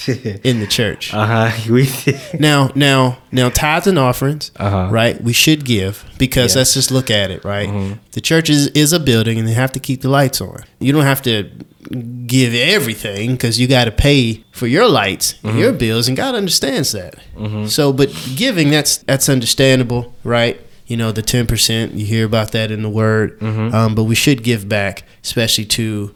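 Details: Adult male speaker; ordinary speech.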